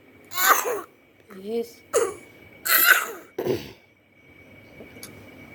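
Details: Sick infant coughing: several short, harsh coughs with a small whimpering voice between them, in a quiet room.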